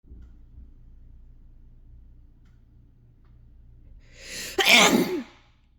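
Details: Sneeze induced by chhinkni (sneezing powder): quiet room, sharp breath in, then one loud, explosive, forceful throat-scraping sneeze.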